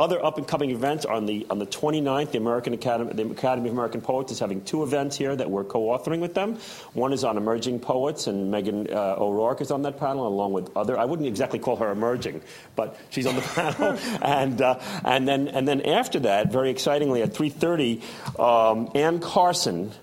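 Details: Adult man speaking; ordinary fluent speech.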